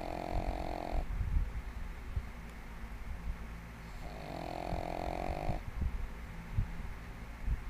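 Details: Female pug, 1.5 years old, sleeping soundly on her bed and snoring loudly like a human: two slow, drawn-out rattling snores with a pause between, over low room noise.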